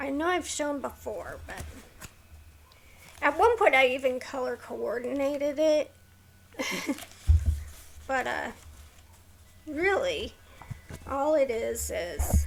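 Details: Adult woman with a neurological condition causing tremor of the hands, voice and head, plus mild tardive dyskinesia; she strains to talk, which has made her throat sore; vocal tremor.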